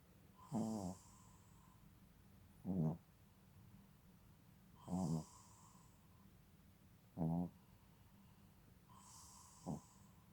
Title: is snoring too adorable he will be 6 months old November 12